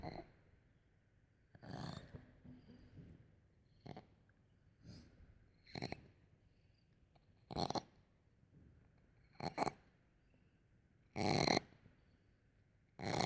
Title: Purra wheezing